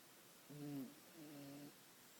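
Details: Toy poodle asleep: two quiet, buzzing snores about a second each, recorded faintly though the snoring is actually loud.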